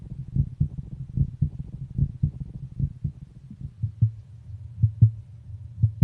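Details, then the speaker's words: Music-therapy heartbeat recordings of a patient, sister, mother and father played in turn, then all four overlapped: steady paired low thumps at roughly 60–75 beats a minute, normal heart sounds. "so you'll hear here all four heartbeats in that order and then all four heartbeats beating together at the same time"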